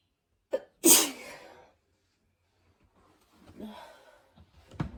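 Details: Person with a cold, very sneezy: a quick in-breath, a sharp forceful sneeze, quiet breathing, then a second brief burst.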